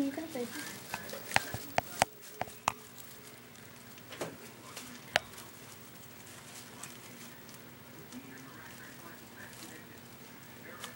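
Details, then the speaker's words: A pet's hiccups: about six small, sharp clicks in the first five seconds, then quiet. "got the hiccups. Really? You got the hiccups?"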